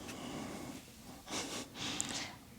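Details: A resting dog snoring: two soft, hissy snorting breaths in a quiet room, ordinary relaxed snoring.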